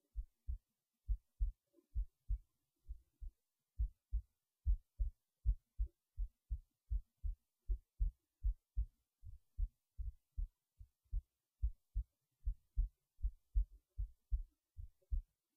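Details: Heartbeat while resting in bed late at night before sleep: steady, clear paired low thumps at about 78 beats a minute; normal resting heartbeat.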